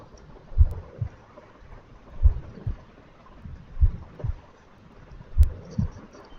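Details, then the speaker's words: Slow paired heart sounds with a soft blowing noise filling systole, a pansystolic murmur usually heard at the apical area; mitral regurgitation murmur. "you have heard the maror can you tell me the name of this marar okay I'm giving uh another clue it is pansystolic Mur usually hard at the epical area"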